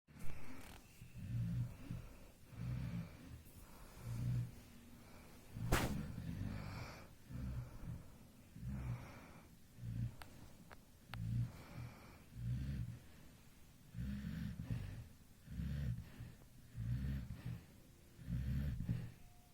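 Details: A sleeping baby at 2 a.m. snores softly with low, rhythmic breathing noises at about 43 breaths a minute: infant snoring.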